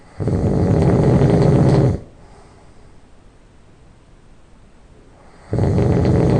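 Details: Person who just fell asleep, loud nasal snoring: two long, low rumbling snores on breathing in, separated by a quiet pause of about three and a half seconds.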